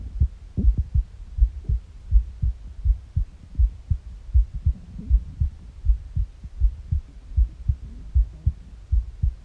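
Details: Morning heartbeat with empty-stomach noises: steady low double thumps at about 80 beats a minute over faint gurgling bowel sounds; normal heart sounds.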